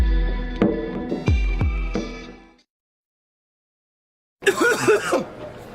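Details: Film-scene and TV-ad montage: music, a pause, then a single rough throaty acted cough from an adult, close to a throat clear; simulated cough.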